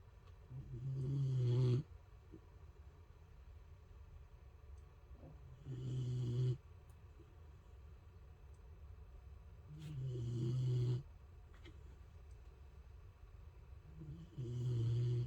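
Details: Baron, a Boxer dog, snoring loudly while napping: rough inhaled snores with a low rumble, about four in 15 seconds, separated by quiet pauses.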